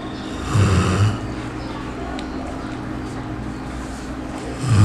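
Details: Loud snoring from a sleeping dog.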